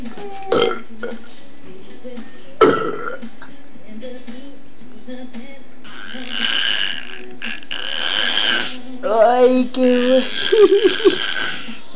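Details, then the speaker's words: 10-month-old baby burping: several small burps while a woman softly encourages it to burp, with room noise. "Bueno, eructa. Eructa. Eructa. Eso. Otra vez."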